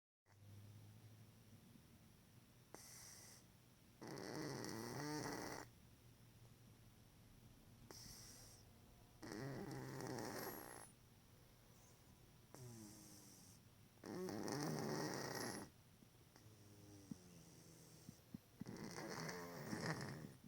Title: Snoring cat!